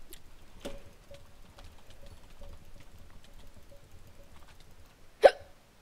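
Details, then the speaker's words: Person with hiccups while playing a video game, talking over gameplay; hiccups. "I have a problem you see I have the hiccups and I'm bad at PvP"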